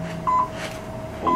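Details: Class IV therapy laser held in skin contact over the elbow treating lateral epicondylitis: short electronic beeps over a steady faint tone in a quiet room, the laser's emission signal.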